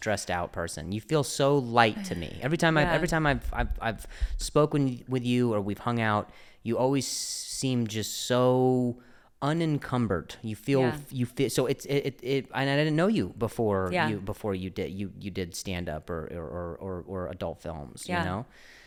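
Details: Stuttering in an adult male comedian speaking conversationally in English; he discusses his injury and his stutter; word and phrase repetitions.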